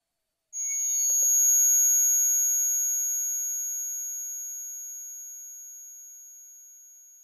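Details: Simulated tinnitus sound effect: a steady, high-pitched ringing tone that slowly fades.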